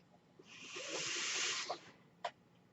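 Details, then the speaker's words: The speaker's own mechanical ventilator heard during speech: a single soft, high-pitched rush of air lasting over a second, one ventilator breath cycle. "Hello, everyone. That noise you're hearing is my ventilator."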